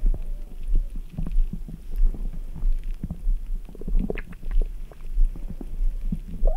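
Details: Frequent low gurgles and rumbles with scattered brief pops from the stomach after drinking ice-cold Red Bull; active bowel sounds, a normal finding.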